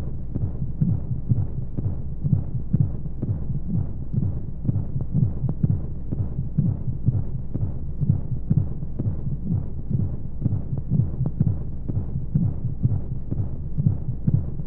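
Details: Womb-sound sleep aid for babies: steady muffled low thumps at about 125 a minute under soft whooshing white noise; heartbeat as heard inside the womb.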